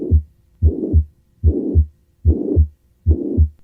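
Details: Tricuspid regurgitation: regular heart sounds about 74 a minute with a harsh systolic murmur filling the gap between beats.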